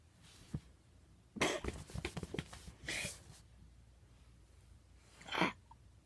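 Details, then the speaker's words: Person deliberately making themselves sneeze, described as very loud: several abrupt, explosive bursts of air ending in a loud final burst; forced sneezes. "hey guys out back so yeah I'm gonna make myself sneeze ah-choo ah-choo achoo I can't do it guys I can't do it achoo achoo I can't do it"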